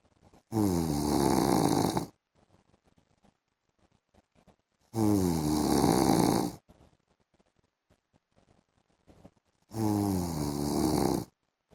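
Three loud, rattling snores about every four to five seconds, with quiet pauses between them, during sleep.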